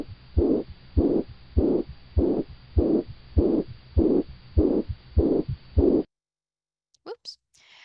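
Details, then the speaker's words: Pet with mitral regurgitation on veterinary cardiology auscultation: regular heart sounds about 100 a minute with a swishing systolic murmur between S1 and S2, nearly obliterating the normal beats; systolic heart murmur. "And we're going to essentially be hearing a swishing sound between the S1 and the S2 sound. So this might be something that we are hearing when we're listening."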